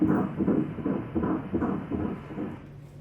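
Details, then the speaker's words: Doppler fetal heartbeat of the first, smaller twin at a 12-week first-trimester screening ultrasound of a twin pregnancy: rapid regular whooshing pulses at about 154 per minute, stated normal. "серцебиття у першого плода і воно у нас там в межах 154 це норма це норма тепер другий"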